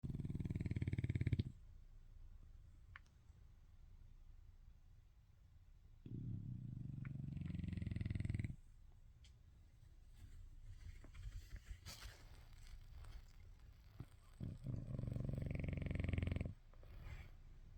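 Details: Sleeping French Bulldog with IVDD snoring at naptime: three loud, deep, rattling snores, roughly eight to nine a minute, with quieter breathing between.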